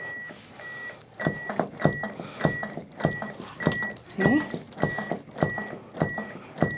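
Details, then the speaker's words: Steady electronic metronome beeps at about 100 per minute with thumps of chest compressions from a training AED pacing CPR after a delivered shock, during a simulated CPR/AED teaching session; CPR metronome beeps. "oh wow that is so helpful so do you want to come try it with the beat with the metronome"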